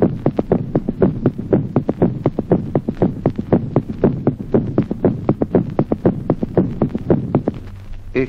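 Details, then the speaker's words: Adult with regular heart sounds near 120 beats a minute and an extra low thud after the second sound: a pathological third heart sound (S3 gallop). "Ejemplo vigésimo. Tercer ruido cardíaco audible como signo patológico en los adultos."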